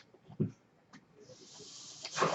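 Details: Ventilator noise heard in the background at the start of a podcast introduction; the speaker notes the noise is from his ventilator; real recording.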